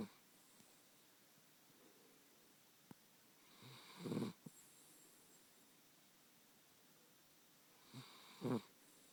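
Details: Small chiweenie dog snoring in sleep: two soft snorting breaths several seconds apart in a quiet room; ordinary snoring.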